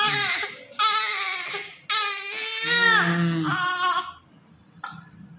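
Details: Female newborn weighing 3.5 kg, cleaned and prepared for discharge to her mother, gives several loud, high-pitched crying bursts with strong, sustained voicing between short breaths: a vigorous newborn cry.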